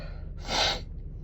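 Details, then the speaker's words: Woman with a cold, with wet, strong sneezes and no cough or sore throat: a single sharp, noisy intake of breath through the nose and mouth, a gasp like the build-up before a sneeze. "Oh, and every now and then I just sort of have these little bits of needing to sneeze."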